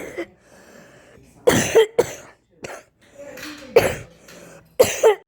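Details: Child coughing: several short, sharp coughs in quick bouts, separated by brief quiet pauses in a small room; repeated coughing.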